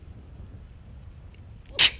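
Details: A single sharp, hissing sneeze burst near the end after quiet room noise, from a GTA 5 NoPixel roleplay stream; a character who can't stop sneezing.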